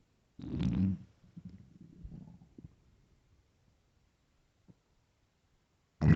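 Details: Loud low stomach growl followed by softer trailing gurgles, then another growl starting: hunger-related stomach rumbling (borborygmi) in a starving, hungry person.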